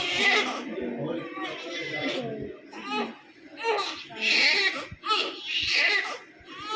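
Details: Loud, rhythmic crying from a newborn baby girl receiving an injection: repeated wails with short gasping breaths between them, a vigorous cry in response to pain.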